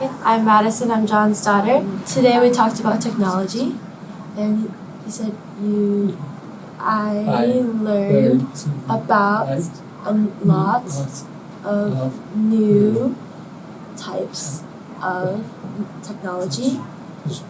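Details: Young woman speaking; ordinary speech.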